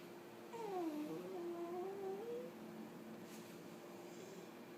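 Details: Female puggle at home after spay surgery: a drawn-out, wavering whine, with a faint steady hum in the room; post-operative vocalization.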